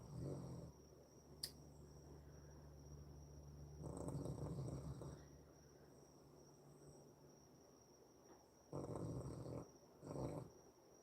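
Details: Sadie, sleeping on the floor, snores; she sometimes snores very loudly and sleeps heavily; snoring.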